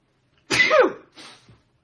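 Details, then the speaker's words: Single sharp, explosive adult male sneeze with a brief breathy tail, then a quieter exhaled sound. "why am i sneezing I'm getting sick not really you know what winds me up when people go oh you sneeze you're getting sick it's like no sometimes just get some dust in your nose"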